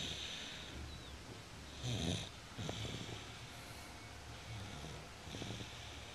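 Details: Snoring: soft, low snoring breaths with an occasional snort over steady room hiss.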